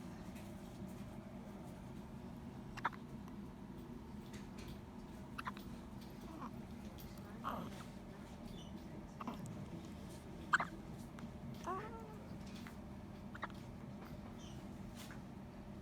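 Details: Two-day-old newborn baby hiccupping, with soft, brief hiccup clicks about every two seconds over a quiet room hum.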